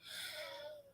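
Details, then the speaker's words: Wheeze in an adult with asthma who has not used an inhaler in a while: a brief breath with a thin whistling tone and breathy hiss. "Oh, I feel like my asthma is coming up. You heard that? That's that wheezing."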